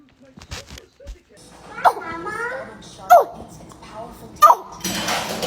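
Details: Run of short, sharp sneezes from a baby about a second apart, with an adult saying "bless you" between them: infant sneezing fit.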